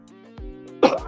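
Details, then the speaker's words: Single short, sharp adult cough over steady background music, from someone a little under the weather. "as you can hear about the cough and everything but a little under the weather and all that stuff"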